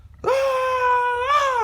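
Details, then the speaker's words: Adult imitating the cry of an almost one-year-old baby boy who is off his daycare routine and sleeping poorly: a steady, whiny, tearless cry, one drawn-out wail rising at the end, attention-seeking rather than hurt or scared. "y'all kids have different cries it's more of a because when i went over there he really didn't even have tears he had no tears versus that emotional like i'm hurting type cry or i'm really really scared or something like that"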